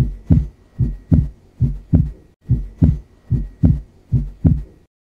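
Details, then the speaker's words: Normal second heart sound (S2) by stethoscope, from aortic (A2) and pulmonary (P2) valve closure: regular paired heart sounds at about 74 beats a minute with a crisp second sound. "the second heart sound s2 is produced because of the closure of aortic or pulmonary valve closure of aortic is termed as a2 whereas closure of pulmonary valve is called as p2 and this is how it is heard"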